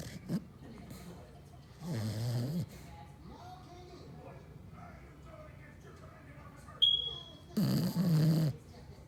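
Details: Sleeping pet dog in a quiet room: two short, rough, low snorting snores, ordinary snoring.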